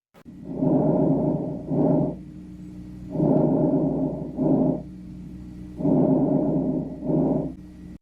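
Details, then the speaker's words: Normal vesicular breath sounds on chest auscultation: soft, rustling breathing at about 23 breaths a minute, with louder, longer inspiration and softer, shorter expiration that can be nearly inaudible. "normal brething inspirated sounds are louder expirated sounds are softer even inaudible compared to inspirated sounds"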